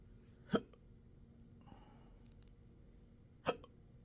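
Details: Intractable hiccups with choking spasms and belching since December 2015, occurring in 12-hour episodes now seven days a week: two sharp, abrupt hiccups about three seconds apart with quiet between; intractable hiccups.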